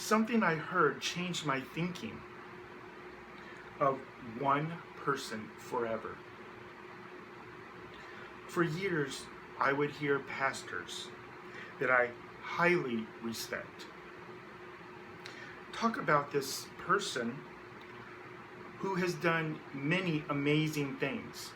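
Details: Adult man who identifies as a person who stutters, speaking with long pauses between phrases; stuttering.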